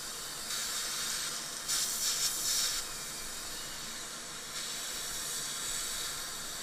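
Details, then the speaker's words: Dental drill at 5 power with a fine diamond burr removing remnants of an old filling, exposing decay underneath not seen on radiograph: high-pitched hissing bursts with spray. "Anything minute is easily removed with the fine diamond burr."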